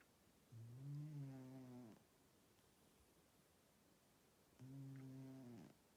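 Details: Old male cat snoring loudly while asleep: two low, buzzing rattles on breaths about four seconds apart; snoring.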